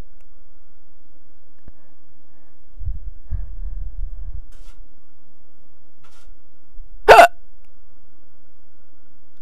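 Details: Hiccup in a quiet room: brief low rumble, then a single sharp, abrupt hiccup sound.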